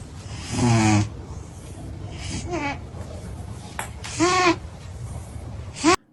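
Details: Cat snoring: short, squeaky, rising noisy bursts roughly every two seconds, with quiet room noise between.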